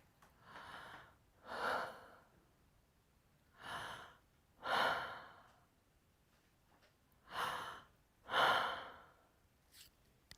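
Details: Stethoscope over the trachea of an adult taking deep open-mouth breaths, demonstrated for dysphagia aspiration screening: loud, harsh, hollow paired inspiratory and expiratory breath sounds, about 16 breaths a minute; normal tracheal breath sounds.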